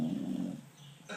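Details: A sleeping American Bully dog gives a low, rattling rumble on one breath that fades into quiet breathing before the next breath: snoring.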